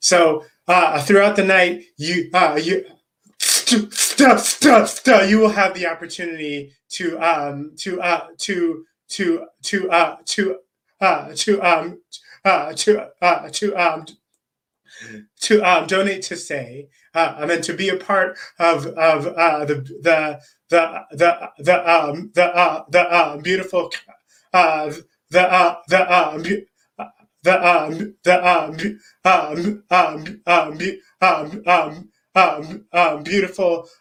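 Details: Adult man who says he is a person who stutters; repetitions and long pauses; stuttering.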